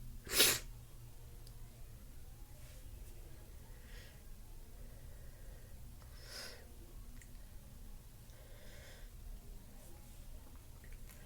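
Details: Stuffy person with sniffles: one sharp sneeze at the start, then faint sniffles and nasal breathing over low room hum; sneeze.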